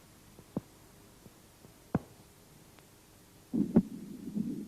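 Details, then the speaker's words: Auscultation at the base of the heart: normal heart sounds, with the second (diastolic) sound, from closure of the aortic and pulmonary semilunar valves, louder than the first. "в норме у основания сердца второй тон громче первого второй диастолический тон возникает в результате захлопывания и колебаний полулунных клапанов аорты и лёгочной артерии"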